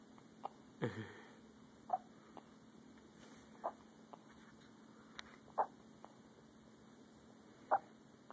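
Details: Baby boy's first hiccups: brief sharp catches at irregular intervals, roughly five in eight seconds, over quiet room noise.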